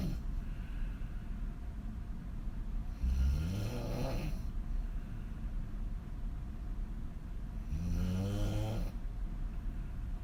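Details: Adult female snoring lying on her back with mouth wide open; two long, deep, fluttering snores about five seconds apart over a background hum.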